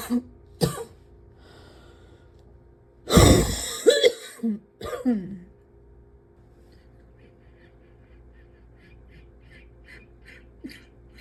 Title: #75 - can’t breathe without coughing up my lungs